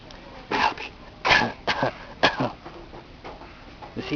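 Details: An infant imitating her parents gives about four short, breathy cough-like bursts, a playful fake cough rather than an illness cough; voluntary (fake) cough.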